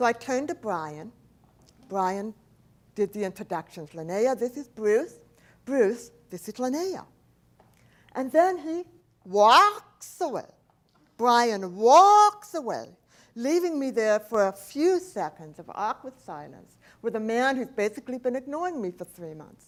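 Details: Adult woman, profoundly hearing impaired since age 4, when a 106-degree fever destroyed about two thirds of her hearing; she does not hear S, CH or T sounds and says her speech is a speech impediment, not an accent; deaf speech.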